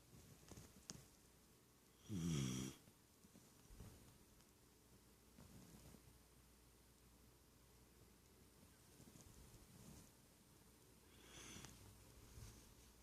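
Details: One short, loud, low snore, then quiet breathing with a fainter snore near the end; snoring during sleep.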